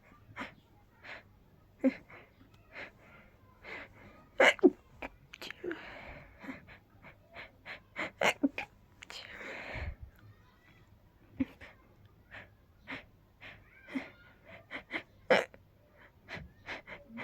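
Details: Person feeling very sneezy, tickly sneezes coming fast: a long run of breathy, powerful stifled sneezes in quick succession, with hissing inhalations between some; repeated sneezing.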